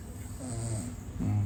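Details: Person asleep in the morning during a livestream, described as snoring very loudly: low, rumbling snore heard faintly through room noise, two breaths. Snoring.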